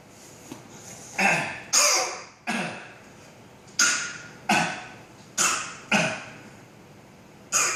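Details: A child gives about eight short, sharp, deliberately produced coughs: a voluntary fake cough, an imitation rather than a true cough.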